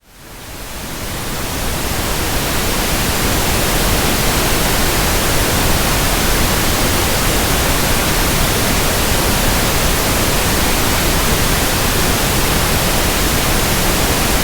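Steady, even hiss of pink noise that fades in and holds; a simulated sound for matching persistent tinnitus.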